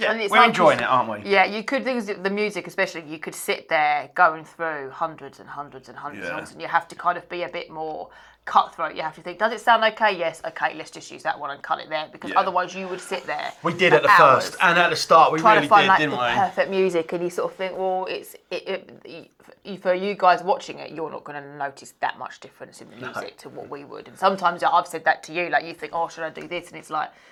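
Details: Adult woman speaking; normal speech.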